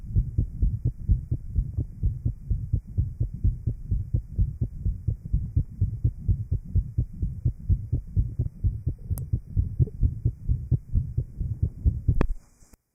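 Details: 1955 Johns Hopkins heart sound lab recording: interventricular septal defect after post-op plication (banding) of the pulmonary artery, recorded at the apex. Rapid heartbeat near 128 a minute with a rough murmur filling the beats: VSD murmur.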